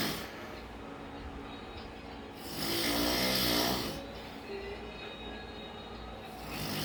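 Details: Two loud, rough, vibrating snores on inhalation separated by quiet breathing out: heavy snoring.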